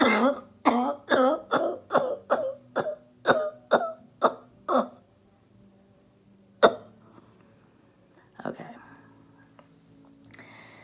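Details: Adult woman, an orthopedic surgeon recovering from COVID-19 at home, demonstrating a phlegm-clearing exercise: a run of about eleven quick coughs on one breath, weakening as air runs out, then two single coughs; repetitive voluntary airway-clearance cough.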